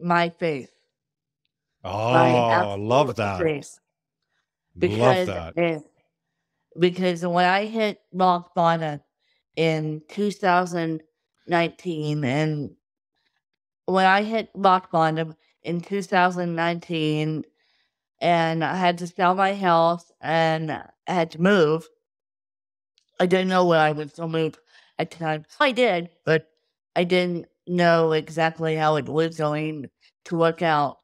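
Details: Adult woman with cerebral palsy from birth due to lack of oxygen at birth, a wheelchair user with difficulty speaking, sitting up and eating who tires easily; dysarthria (cerebral palsy).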